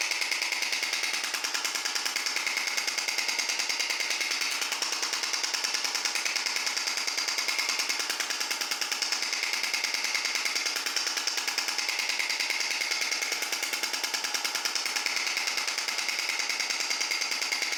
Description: This is the sound of the extracorporeal shock wave therapy (ESWT).